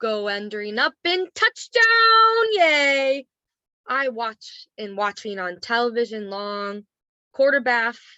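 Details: Role-played adult male patient with Wernicke's aphasia, with word-finding difficulty and speech of low understandable content; Wernicke's aphasia (acted).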